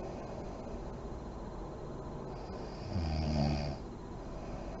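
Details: Sleeping mother in deep REM sleep, lights on: steady background hum, then one short, low rumbling snore on an in-breath; snoring.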